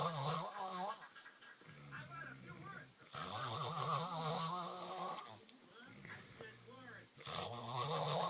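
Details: Snoring with sleep-talking: rough, voiced snores with groaning, talk-like sounds, roughly 15 breaths a minute, in a quiet small room.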